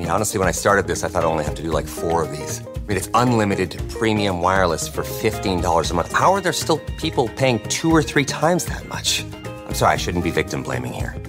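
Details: Adult male speaker; Normal voice.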